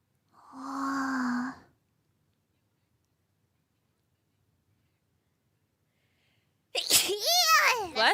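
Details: A single high-pitched, voiced sneeze from a VTuber streamer, then silence and a brief burst of speech over music: sneezing.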